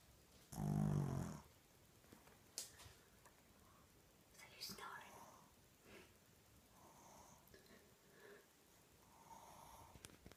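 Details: Pug snoring: one loud, low, rattling snort-snore, then quiet breathing with faint snuffles in a small quiet room.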